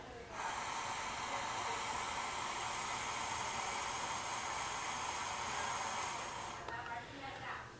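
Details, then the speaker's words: Adult man blowing as long as he can into a MicroCO breath carbon monoxide meter, which then reads 1 ppm, about 0.16% carboxyhemoglobin: a single steady blowing hiss lasting about six seconds, a sustained exhalation. "and then I'm just gonna blow as long and as hard as I can you don't have to go really hard force just have to just blow"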